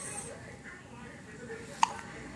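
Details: A newborn's first hiccups after birth: one brief, sharp hiccup click against quiet room noise.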